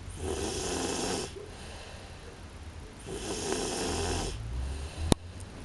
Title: snoring